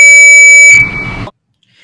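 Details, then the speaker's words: Loud, steady, high-pitched beep under a second: AED power-on tone as the lid opens while a second rescuer keeps chest compressions going, in a demonstration of BLS CPR with AED for out-of-hospital cardiac arrest per AHA 2020 guidelines. "the other person will prepare the aed some aeds will automatically switch themselves on when the lid is open"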